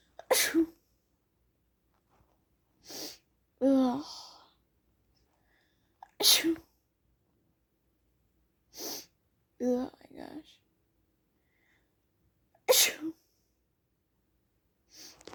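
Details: Run of about five sharp, wet sneezes with short breaths and groans in between, from someone feeling sneezy in spring; repeated sneezing.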